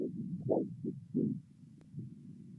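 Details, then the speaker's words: Handheld Doppler probe held at about 45° over the brachial artery during cuff deflation for ABPI brachial systolic pressure. Rhythmic whooshing arterial flow pulses about every 0.35–0.7 seconds as the sound returns. "and then slowly deflate at around 3 mm of mercury per second the point at which the sound returns is the Brach your systolic pressure which is then recorded"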